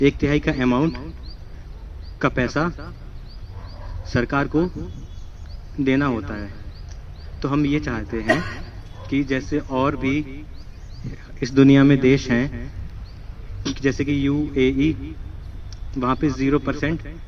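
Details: Male student at a stammering therapy centre, trained in breathing, airflow and prolongation techniques, speaking in a role-play; speech broken up by pauses; stuttering.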